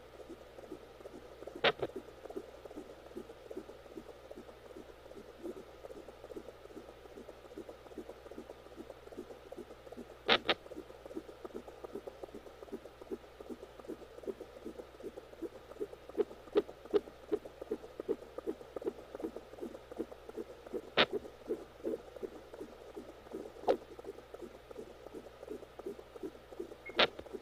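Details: Fetal heartbeat pulsing fast, about 158 a minute, broken by a few sharp, loud pops from fetal hiccups during pregnancy.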